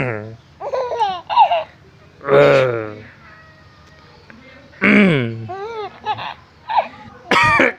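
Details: Cough from a father: a few short adult coughs, with a small baby's high, bubbling laughter answering them.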